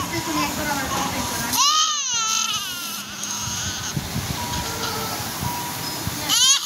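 A newborn's high, strained cry rises and falls over steady clinical background noise, crying during a nasogastric suction procedure.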